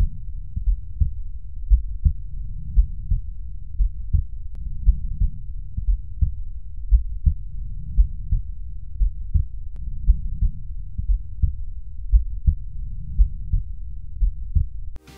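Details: Regular low heart sounds heard with a stethoscope at the pulmonary focus (second left intercostal space, parasternal line) in a teaching demonstration; first and second sounds clear, no added sounds: normal heart sounds.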